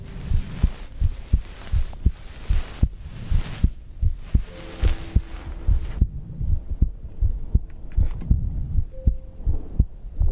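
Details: Own heartbeat and breathing recorded for ASMR sleep content: steady low thumping heartbeat around 75 a minute, with breath noise over the first half and faint background clicks.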